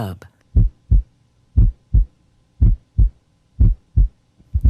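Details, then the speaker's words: Apical pulse auscultation with warmed stethoscope diaphragm at the PMI (fifth intercostal space, left midclavicular line): regular, crisp normal S1 and S2 at about 60 beats a minute with no extra sounds. "you can hear s1 and s2 with regularity"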